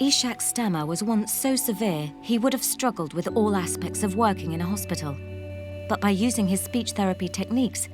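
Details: Adult female narrator with background music; fluent narration.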